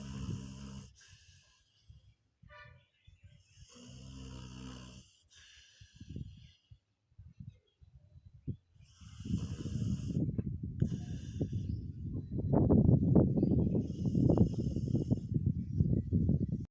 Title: Dog Snoring (Funny)